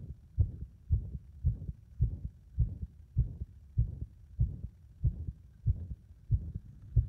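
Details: Heart that becomes unstable under compression: low thudding heartbeats around 95 per minute with uneven spacing between beats, an irregular rhythm.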